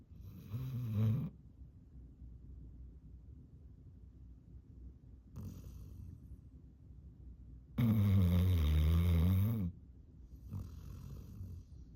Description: Yellow Lab Sport has hilarious cartoon snore in a deep sleep with tongue hanging out